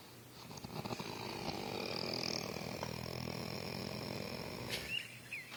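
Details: Sleeping dog, possibly dreaming, makes a sustained rough, rattling snore with a few snorty breaths near the end; ordinary snoring with faint room noise.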